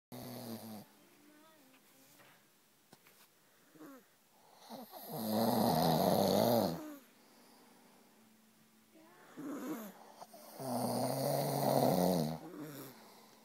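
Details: Two loud, rough snores about five seconds apart, with softer breathing and a faint small voice between them; child and father snoring in turn.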